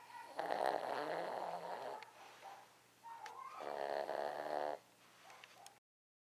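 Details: Snoring: two long, rough, rattling snores on breathing in, with quieter breaths between them.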